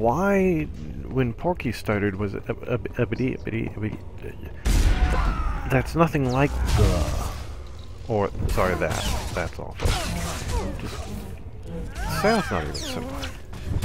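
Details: Stuttering in an adult man, which he describes as a very strange stutter that may return because he is recording; stuttering begins during gameplay commentary.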